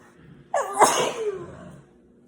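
A single loud sneeze: a brief indrawn breath, then an explosive burst fading over about a second in a quiet room.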